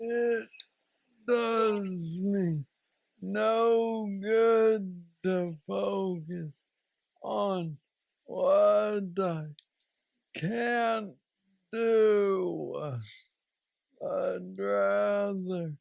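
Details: 46-year-old man with Parkinson's disease diagnosed at age 35, which he calls the most aggressive form; he has a deep brain stimulator implanted 2 years after diagnosis and mobility struggles; hypokinetic dysarthria (Parkinson's disease speech).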